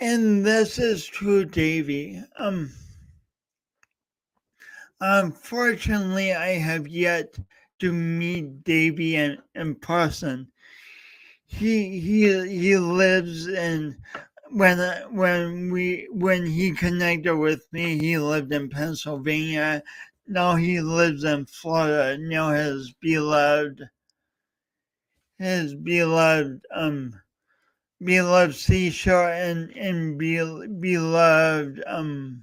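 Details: Adult host with a speech impediment, coached for years, talking live for three hours as a personal challenge. Finding: speech impediment (disfluent speech).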